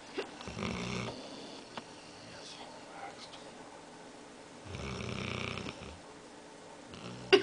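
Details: Dog snoring while half awake: two slow, rough, low rattling breaths about four seconds apart, with quiet room noise between them.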